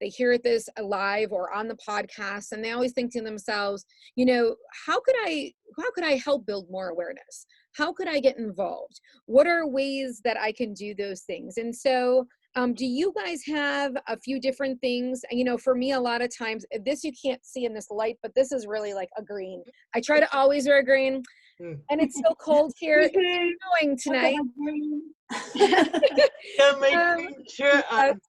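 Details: Adult woman speaking; normal speech.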